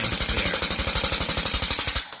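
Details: Ballistic extracorporeal shockwave therapy handpiece with a rubber cap, used for plantar fasciitis and Achilles tendonitis, demonstrated pressed on a hand: fast, steady mechanical hammering pulses, roughly twelve per second.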